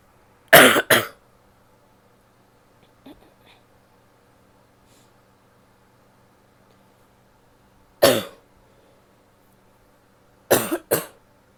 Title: coughing (f)